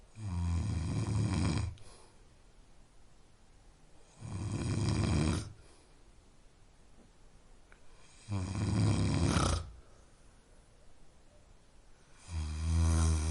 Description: a snoring sound that helps sleep.